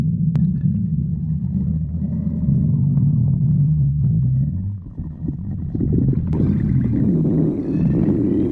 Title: Padme stomach growling 2